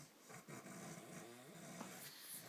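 Continuous rough, rattling, buzzy snoring from an adult, heard against faint room noise.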